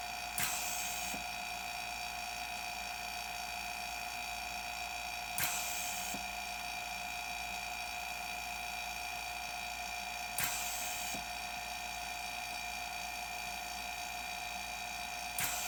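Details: A DIY medical ventilator built from common medical supplies, on test: a steady mechanical whine with a hissing air burst about every five seconds, cycling 12 times a minute.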